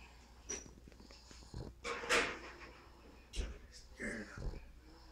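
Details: Sleeping pug (flat-faced dog) snoring: irregular snorting, wheezy breaths with some room noise.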